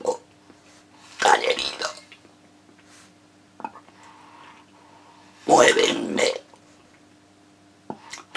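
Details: Adult male reciting a Spanish sonnet in esophageal voice as a voice exercise; esophageal speech.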